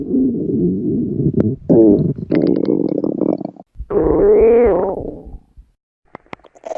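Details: Hungry young woman's empty stomach growling: loud, long rumbling and gurgling, with a rising, whining growl near the end.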